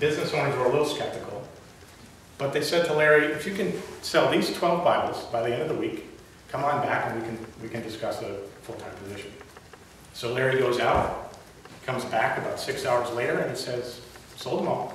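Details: Adult male lifelong stutterer giving a prepared public speech; stuttering.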